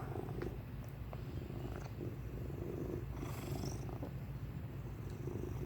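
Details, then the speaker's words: A cat's steady purring broken by a few brief, sharp, jerky sounds: hiccups occurring during the purr, recurring over several minutes. "he's purring and then he decides to hiccup I need one buddy"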